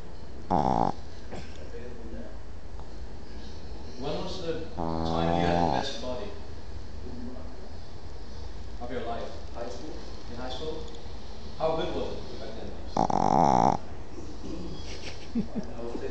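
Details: Sleeping 6-month-old Boston terrier: irregular snorting snores and wheezy, noisy breaths, some drawn out and buzzing; snoring.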